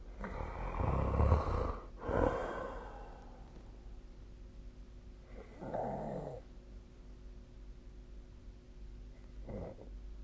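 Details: Sleep recording: loud, rattling low snores in irregular bursts, with a steady background hum between them; snoring.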